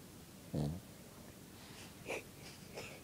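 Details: A dog gives one short, low rumbling snore, then two softer snuffling breaths in a quiet room; dog snoring.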